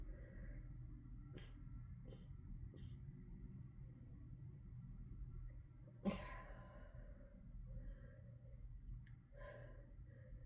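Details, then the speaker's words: Adult who felt sneezy all morning in rainy weather, recording at work: sniffing and short breaths, then one sharp forceful sneeze burst and a smaller stifled one during an unusually intense sneezing fit in a quiet room; sneezing. "Oh god, you guys, I never sneeze like that. What the hell? I can't even talk."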